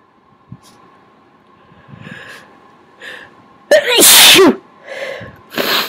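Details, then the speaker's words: Sneezing induced by tickling the nose with a Q-tip: soft catching breaths build to one loud, wet, explosive sneeze, then quieter breaths and the start of another burst. "this works surprisingly well I thought I was all sneezed out but this is really helping"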